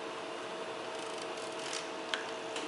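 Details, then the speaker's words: Aisys anesthesia machine system check: a single sharp click over steady machine hum as the balance gas selection switches between air and nitrous oxide. "see you hear a little click each time I do that so that's how it's switching from air over to nitrous and back"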